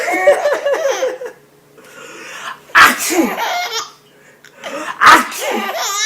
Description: Our little one laughing incessantly at her dad sneezing